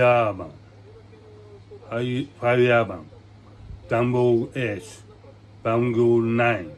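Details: Adult man with aphasia and hemiplegia following a brain hemorrhage, with paralysis; real patient speaking spontaneously; aphasia.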